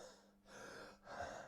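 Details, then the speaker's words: Adult with a chest problem that worsens after visiting a sister's house, after about 8 inhaler puffs: heavy, noisy breaths with a faint low musical tone, deep down in the chest; wheeze. "Can you hear it? It's quite deep down, that wheezing going on there, and it's all to do with that."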